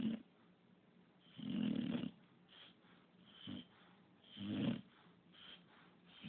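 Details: English bulldog puppy that snores constantly, asleep: rough, low snoring bursts with quieter breaths between, about 20 breaths a minute.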